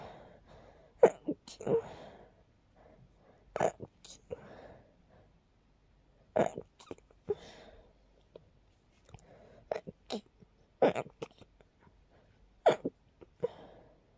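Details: A series of soft, stifled sneezes, several in quick runs, in a quiet room, brought on by heavy dust while cleaning a long-neglected part of the room.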